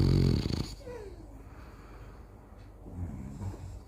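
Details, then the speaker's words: Father snoring while sleeping in the morning: a loud, low rattling snore followed by quieter breathing noise and fainter snorts. "આ પપ્પાના નસકોરા સાંભળો"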